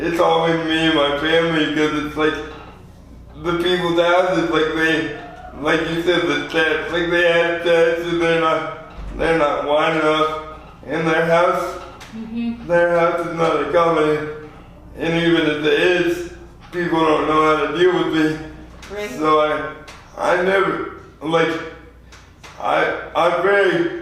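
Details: 24-year-old man with lifelong spastic quadriplegic cerebral palsy after premature birth at 2 lb 4 oz; dysarthria.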